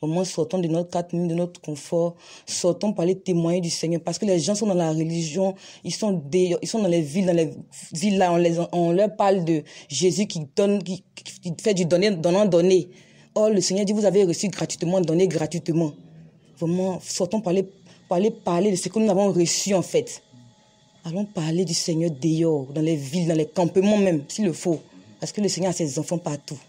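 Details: Adult speaker; Normal voice.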